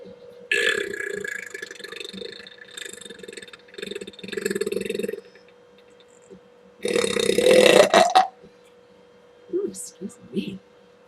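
Several long, loud, drawn-out belches with brief talk around them; burping.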